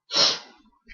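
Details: A single sneeze: one sharp, hissing burst of air that fades quickly.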